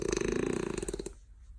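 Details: French bulldog snoring in bed, exhausted after playtime: rapid fluttering rattle on a single breath that fades out.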